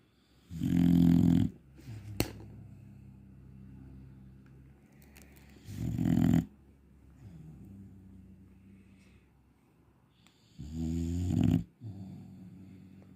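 Loud, rumbling snores on three inhalations, with quieter, drawn-out breathing between them. Snoring in a sleeping dog.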